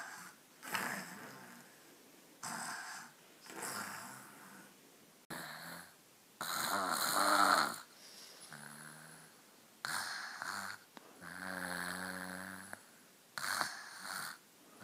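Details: Soft, repeated snoring breaths, some with a faint whistling or buzzing tone, from a baby during an afternoon nap in a quiet room.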